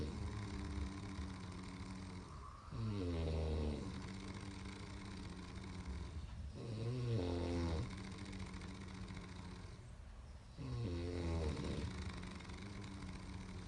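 Deep, rattling snores on each in-breath, about 15 a minute, over steady room noise; ordinary snoring.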